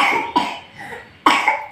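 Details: Two sharp cough bursts about a second apart from a child who is sick with a cough and cold.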